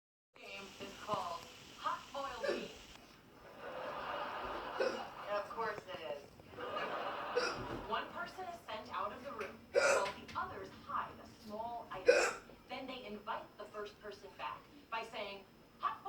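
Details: Speech broken by repeated sharp hiccup catches, roughly 26 a minute, with laughter in the background, from a television broadcast; hiccups.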